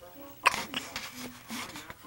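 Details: A brief, sharp catch in the breath from a baby boy, with an adult's soft voice around it; morning hiccups.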